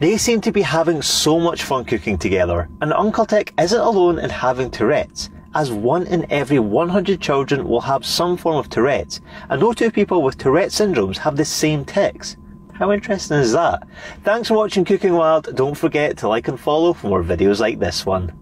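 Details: Adult narrator; ordinary speech.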